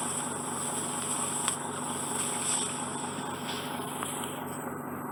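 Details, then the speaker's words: Endoscopic microsuction with a Zoellner suction probe in a left ear blocked by wax and dead skin, causing reduced hearing and earache: steady hissing suction with crackling and rattling as wax and skin pass up the tube. "it's actually dead skin you can get dead skin that flexing whereas well it's combined with a whack that crappy noise it just fit wax and skin going up the tube like a bowl of rice Pixies crispy"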